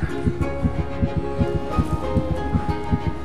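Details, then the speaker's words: Fetal heartbeat on ultrasound in a drama scene: rapid, regular soft thumps at about 158 a minute under background music; doctor says 120–160 is normal and the baby is healthy. "Ouça para ouvir o coração do seu neto batendo O som do coração do seu neto"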